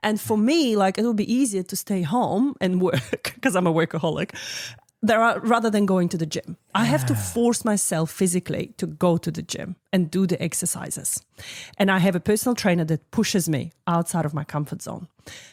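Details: Adult woman speaking; typical speech.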